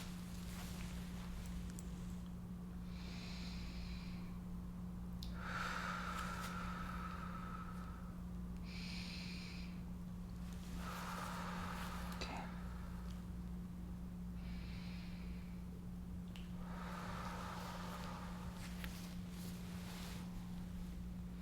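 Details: Adult woman, real-person roleplay head-to-toe exam, lung auscultation: slow, deep breaths with soft, even airflow, no crackles or wheeze; normal vesicular breath sounds.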